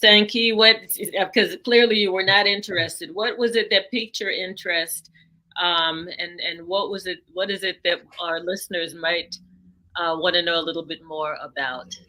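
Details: Adult speaker (interviewer); typical speech.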